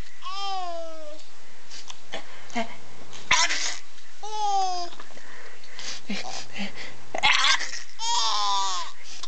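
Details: Two short, sharp fake sneezes, each followed by bursts of a young child's giggling and babbling.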